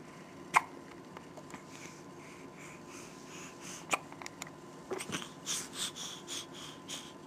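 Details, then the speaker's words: Girl with hiccups: sharp, isolated hiccup sounds every few seconds with soft breathy sounds between, against quiet room noise. "uhoh they're silly little hiccups yeah"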